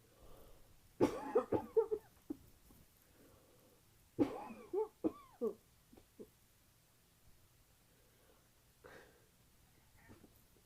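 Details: Painful cough during a recent common cold: two bouts of harsh, strained coughing, about eight coughs in all, with quieter breathing between, some nose blowing, and a female cat meowing in the background.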